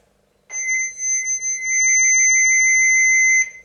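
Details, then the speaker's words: A steady high-pitched electronic tone lasting about three seconds as a training AED defibrillator switches on during a first-aid demonstration. "so I'll turn it on and you'll hear what it says so I hold it up so you can hear it and you can see the button flashing"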